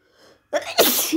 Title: Some Loud Sneezes!